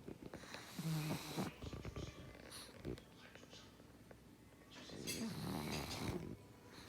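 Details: Pug dog: two long, rumbling, snorting snores with rough rattling, separated by a short quieter stretch; snoring in a flat-faced dog.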